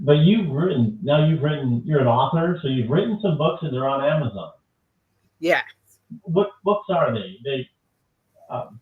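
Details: Adult speakers in conversation; ordinary speech.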